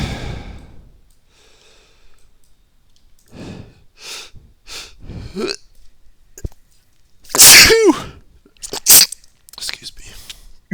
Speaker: was that noise that was a sneeze